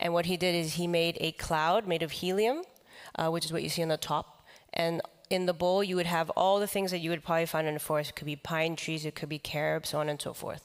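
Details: Man with the neurological disease dystonia, which in his case impairs control of his neck movements and can affect other body parts; he says he has no real tone of voice: dystonia affecting the voice.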